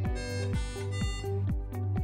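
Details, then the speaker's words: Sapphire infusion pump at end of infusion: rapid repeating electronic beeps signaling the infusion is complete. "wait for the infusion to end the pump beeps signaling the completion of the infusion"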